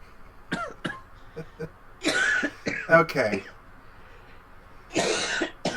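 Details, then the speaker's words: An adult who says they still have COVID gives a few harsh, throaty coughs with some voiced throat-clearing in a quiet room. "you're coughing directly into the podcast no I'm coughing this way I can hear it perfectly sorry it's not good TV so I know but I I have Co still"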